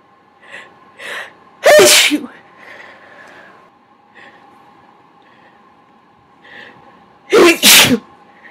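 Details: Person's first induced sneezes, non-continuous recording: two forceful sneezes, each after quick catching inhales, over a steady background hum.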